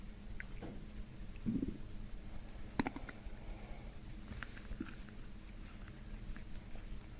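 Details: Low, brief gurgles and rumbles from the abdomen over quiet room noise during chiropractic abdominal work: ordinary bowel sounds (borborygmi).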